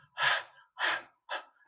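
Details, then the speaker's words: Bronchial (tubular) breath sound imitated by mouth in a lecture: three loud, harsh, hollow blowing breaths, strong on both inspiration and expiration. It is described as replacing the vesicular murmur over consolidation and resembling tracheal sound. "Entonces ese es un soplo no que algunos le llaman el soplo en a no ustedes lo que van a escuchar es un sonido en inspiración y en"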